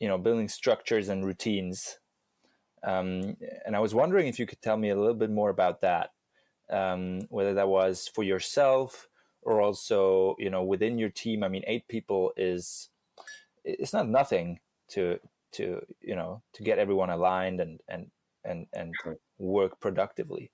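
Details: Adult male speaker; normal speech.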